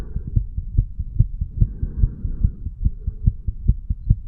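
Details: 35-year-old man, sick, heartbeat recorded with a stethoscope over the tricuspid area, then the mitral area: regular low paired heart sounds, about 70 beats a minute, with a faint hum behind them.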